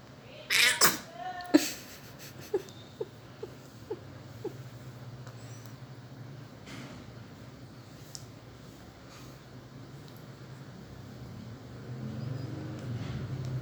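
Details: Newborn about one hour after delivery: a thin, squeaky vocal sound, then a single sharp sneeze and a few faint soft clicks; newborn sneeze.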